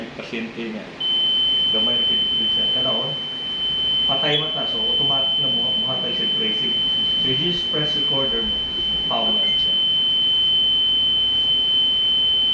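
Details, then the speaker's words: Defibrillator monitor alarm in an equipment demonstration: a steady, high-pitched continuous tone with a man talking over it, explaining that the alarms are pre-programmed and can be silenced. "the alarms also are already pretty pre-programmed already it's a machine [Music] then you can also silence the alarm"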